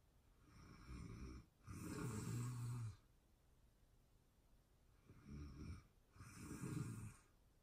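Two breath cycles of low, rattling snoring in a quiet room, each with a softer in-breath and a louder snore, roughly 15 breaths a minute.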